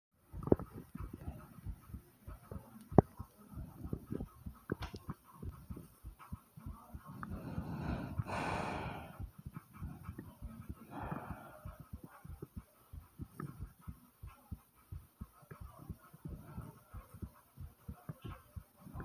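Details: Loud, fast heartbeat after walking up 5 flights of stairs, with a brief gurgling rumble of bowel sounds midway; ordinary stomach noises over rapid thumping heartbeat.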